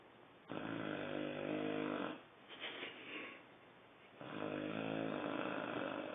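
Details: Demon, a 4-month-2-week-old, snoring loudly: long, deep, buzzing snores on inhalation with hissing exhalations between them.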